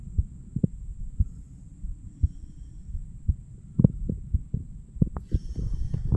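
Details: 34-year-old male self-auscultation with a stethoscope over the mitral, tricuspid, pulmonary and aortic valve areas: dull, regular heartbeat at about 57 per minute, stethoscope rubbing toward the end; normal heart sounds.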